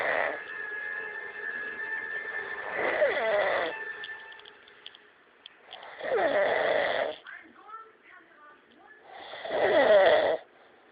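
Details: Man fallen asleep quickly after drinking: loud rattling snores about every three seconds, roughly 18 a minute, with quieter breathing between; snoring.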